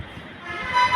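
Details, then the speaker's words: ResMed Astral 150 transport ventilator in a settings demonstration with no actual patient connected. Rising electronic alarm tones sound: a ventilator circuit disconnection alarm. "Circuit disconnection है चूंकि हमने actual patient कभी use नहीं किया है तो circuit disconnection का इलाम आ रहा है"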